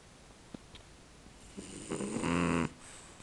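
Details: A French bulldog snores while asleep: a quiet rasping breath builds into one loud, rattling snore.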